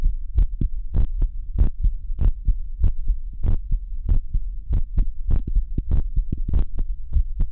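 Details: Child's heart sounds recorded with a digital medical stethoscope: clear, regular lub-dub pairs at about 96 beats a minute; normal heart sounds.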